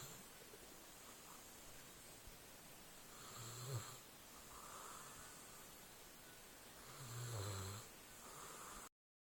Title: Dogs snore